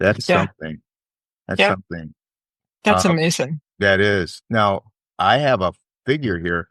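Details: Adult male speaker; Normal conversational speech.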